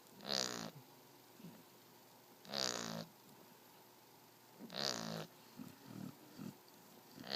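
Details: 8-week-old Shar Pei puppy snoring: three loud, raspy fluttering snores about every two seconds with softer snuffly breaths between.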